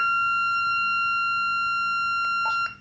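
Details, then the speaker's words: AED: after analysis finds a shockable rhythm, the shock button is pressed and held; loud continuous high alert tone once the capacitor charges, then a few clicks as the shock is delivered. "if it is shockable then the corporal's 3 will display this and you can then press and hold the shop button for one second once the capacitor is charged [Music]"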